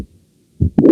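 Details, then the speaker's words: Mitral valve prolapse heard at the mitral focus with the stethoscope diaphragm, patient in left lateral position: low thud, then a sharp click, then a late systolic murmur rising in intensity and ending before the second heart sound. "soplo es tardío en las historia va aumentando poco a poco de intensidad y termina antes que el segundo ruido cardiel es un prolapso de la válvula mitral"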